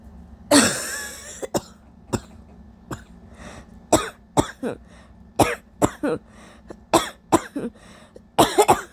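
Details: Scratchy wet cough with intense coughing fits: one long harsh cough, then about fifteen short rough coughs and throat clears, in a person with several days of allergies, an overnight sore throat and lost voice.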